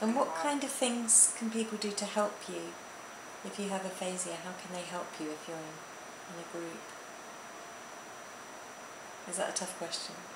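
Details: Adult woman speaking; normal speech.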